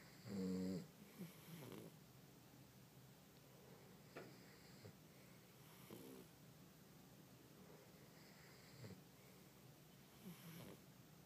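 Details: Pug sleeping in bed snoring: soft snorting and snuffling snores roughly every two to three seconds.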